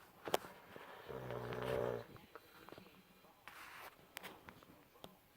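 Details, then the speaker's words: Loud snoring from a sleeping man, keeping his bed partner awake at night: one loud, rattling, roughly one-second snore followed by quieter breathing and small rustling noises. "this time I thought I couldn't sleep because I had to go to the bathroom. Can't sleep because of his loud snoring."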